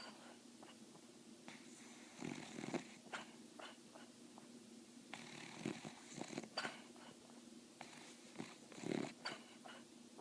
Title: snoring